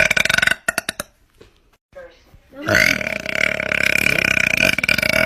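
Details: Girl burping; a loud, long, rattling belch lasting several seconds after a few short clicks and quieter sounds; burp.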